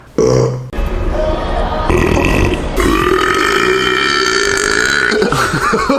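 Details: Man burping: loud, long, drawn-out burps, one short then one sustained over several seconds, with music in the background; burping.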